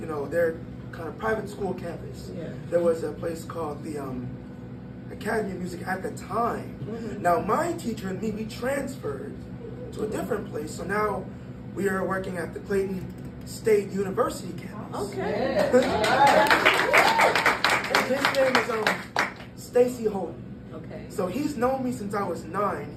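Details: 22-year-old man born prematurely at about one pound, vocal folds developing after birth and still not closing fully; breathy voice from incomplete vocal fold closure (glottal insufficiency).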